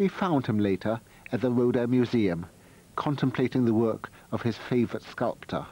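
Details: Adult male narrator; Normal speech.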